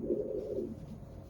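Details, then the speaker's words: Right common femoral vein spectral Doppler in a supine, reverse-Trendelenburg patient during a DVT rule-out leg ultrasound: soft low whooshing flow swelling briefly with thigh augmentation, then fading, with some return flow. "Okay, so now we're going to be taking a look at the CFV waveform, making sure that we remove angle correct. And changing our sweep speed here, lowering our baseline, decreasing our Doppler scale, and then augmenting in the thigh"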